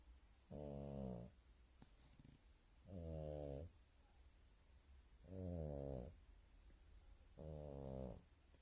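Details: Snoring: four slow, regular, rattling snores on the in-breath, about 25 a minute, with quiet pauses between them.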